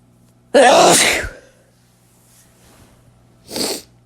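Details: A loud explosive sneeze, then a second shorter burst a few seconds later, from a sneeze compilation; two ordinary sneezes.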